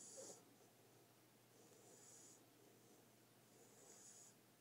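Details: Snoring from a sleeping puppy: soft, regular breathy snores about every two seconds, each with a faint hiss.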